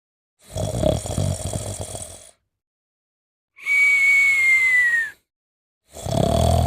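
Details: Snoring with a nasal whistle during sleep: a rough snore on one breath, then a long, high whistling breath through the nose.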